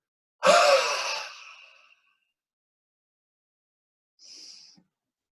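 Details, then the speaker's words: A respiratory physiotherapist demonstrates a hard, longer huff (forced expiration technique): after a deep breath in through the nose, one long, forceful open-mouthed breath out trails off over about 1.5 seconds, then a quiet breath in. "so it's the same technique so you're gonna put your hands up in front of your face and you're going to take a deep breath in through your nose and ha"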